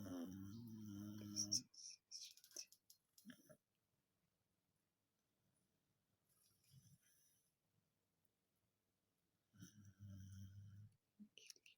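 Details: Sleeping dachshund dreaming, two bouts of low rattling snores with soft whimpers and quiet breaths between; snoring.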